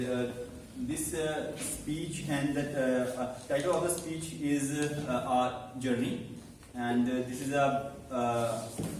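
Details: Adult man who stammers, in a stammering-focused speaking club for about eight to nine months and has learned to accept it; stuttering.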